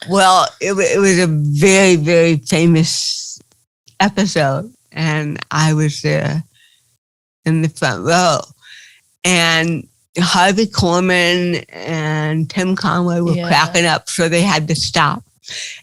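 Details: Dysarthria in an adult woman with cerebral palsy.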